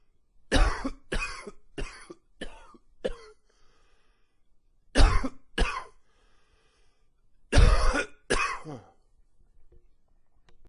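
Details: Three runs of repeated harsh coughs, nine coughs in all, with some rattle afterward; an extended allergy-related coughing fit in cooler fall weather, wheezy with slight gagging.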